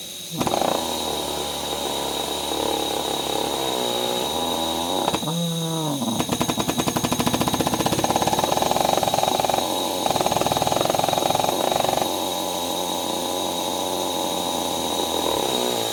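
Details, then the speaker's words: Vortran Percussive Neb 2.0 percussive nebulizer running during setup: loud continuous hiss with fast rattling mechanical pulses that speed up and ease off, like small engines, felt as extra resistance similar to EzPAP. "let me get the plug this is really interesting so what it feels like [Music] comfortable small engines running"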